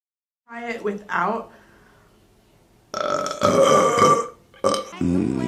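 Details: Female burping from a compilation: brief voiced sounds, then a long, loud, rumbling belch and a shorter second one in a small room, followed by "excuse me".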